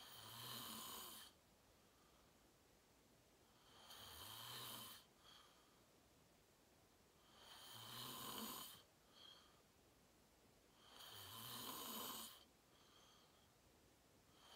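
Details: Real self-recorded sleep; person fell asleep fast and slept deeply, reportedly REM. Regular rasping snores with a faint follow-on snort, about 16 breaths a minute. Snoring during sleep.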